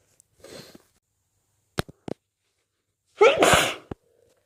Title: stifles nose blows and strong wet sneezes